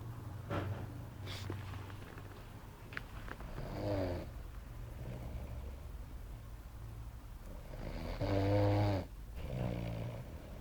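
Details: Adult man asleep on a sofa after a hard day at work, who claims he doesn't snore; two soft snoring breaths over a low background hum in a quiet room; light snoring.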